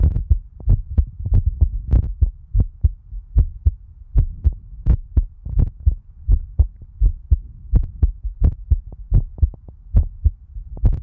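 Steady, regular heartbeat at about 85 beats a minute with a low background hum; an ordinary heart rhythm.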